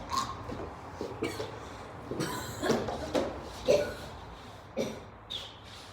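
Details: Repeated cough (acted).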